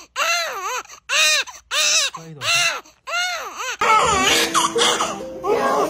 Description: Mix many newborn cute babies crying moments.